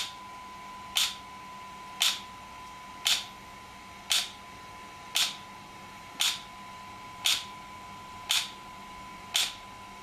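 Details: ESWT shock wave therapy device for muscle and bone pain relief, used on a patient's joint: sharp, regular clicking pulses, roughly 57 a minute, over a steady tone.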